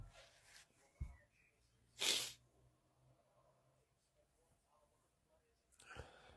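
A single sharp, explosive burst of air with a hissing release, followed by quiet room noise: one sneeze.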